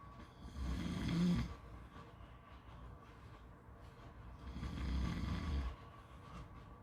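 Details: Snoring: two slow, low rattling snores with quiet breathing between them over a steady background hiss.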